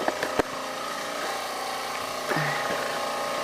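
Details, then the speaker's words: A home oxygen concentrator running after its compressor capacitor was replaced with a 15 µF 300 V AC part; a steady mechanical hum and whine after a few knocks, as the compressor runs normally again. "so let's uh test this i got the new capacitor in it works no explosions compressors going"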